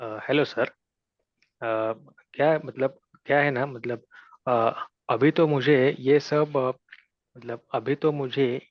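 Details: Adult man who stammers, attending his first stammering self-help group meeting and speaking in Hindi; stuttering.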